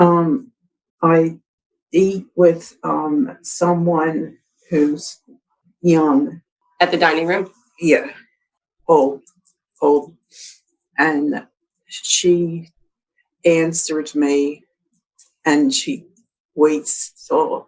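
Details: Adult woman with aphasia after a December 2022 stroke, mainly expressive; expressive aphasia.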